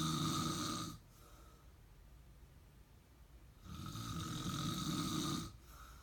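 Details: Ordinary snoring: two loud, rumbling snores on the in-breath, separated by a quiet pause of a few seconds.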